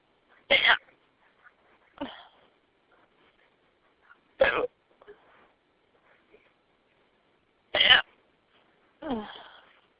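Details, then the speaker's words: Person home after a couple glasses of wine; sharp, sudden catches of breath about every one to three seconds in a quiet room, some followed by a softer breathy sound; hiccups. "hey this is and I just got a bad kiss the hiccups here um I was out with some friends had a couple glasses of wine and got got home"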